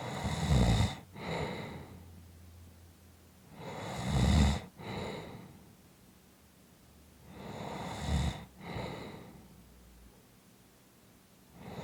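Loud, rough snores on each in-breath, each followed by a softer out-breath, repeating about every four seconds, roughly 15 breaths a minute.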